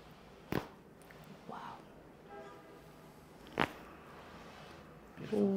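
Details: Chiropractic neck adjustment of a patient with notably stiff muscles, lying on their back: quiet room with sharp isolated pops; joint cavitation.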